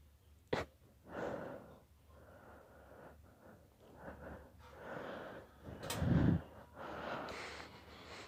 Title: Long induced sneezing fit